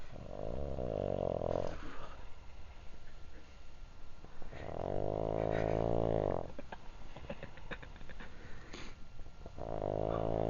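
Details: Snoring recorded outdoors outside a tent at night at Le Mans 2006 after a drunken night: loud, rattling buzzes on each in-breath, about every four to five seconds, with outdoor noise between.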